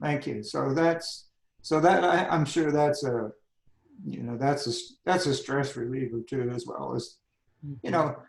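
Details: Adult man with spasmodic dysphonia that began at age 51, managed without Botox.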